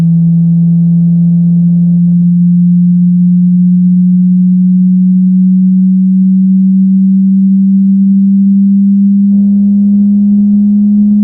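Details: Online pure-tone hearing test: a steady, low pure tone rising very slightly in pitch, a sweep checking how well low pitches are heard; frequencies described as personally synchronized, not a substitute for a proper hearing test.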